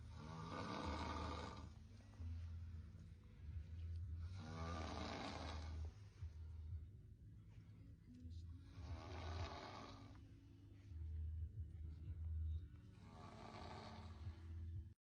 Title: Snoring dude is splendidly mocked 😂😂😂 💤